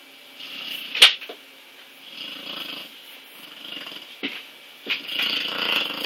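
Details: A female dog that snores very loudly, snoring while resting: soft, snuffling snore sounds on each breath, broken by a few sharp snorts.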